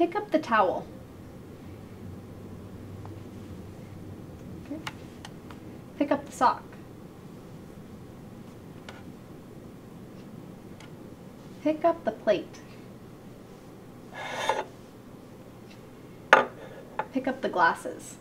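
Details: Adult clinician giving directions; normal speech.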